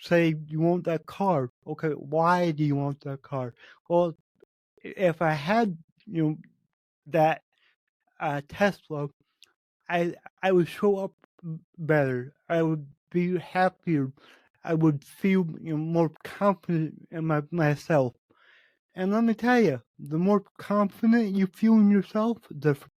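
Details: Spontaneous speech from a male podcast host with cerebral palsy, which he says affects every muscle in his body; he reports his speech has improved since 8 months earlier as his health improved. Dysarthria (cerebral palsy).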